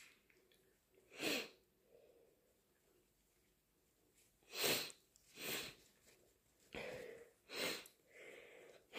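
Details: Induced allergy sneezes: four forceful sneezes with sniffing and breaths between them, in a quiet small room; allergic sneezing.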